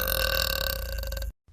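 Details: Girl burping: a single loud, drawn-out, rumbling belch lasting over a second, then cut off.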